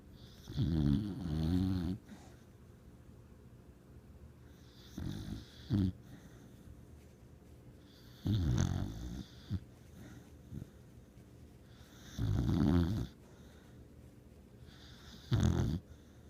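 Loud, fluttering snores from a sleeping dog, about nine a minute and somewhat irregular, with brief snorts and quiet breaths between.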